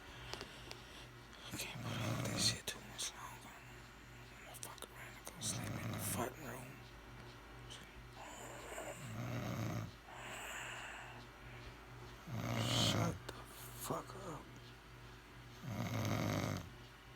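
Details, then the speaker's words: Adult woman snoring in her sleep, loud enough to wake the household: rough, rumbling snores recurring every three to four seconds, about 15 per minute, with faint whispering in the background. "Fucking waking everybody up in the fucking house with this shit. Shit getting fucking annoying."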